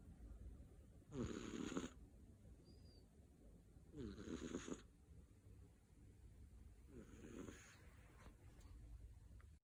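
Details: Male British Shorthair kitten, born September 2020, sleeping after running, jumping and playing hard: three loud, rattling snores several seconds apart over a quiet room hum.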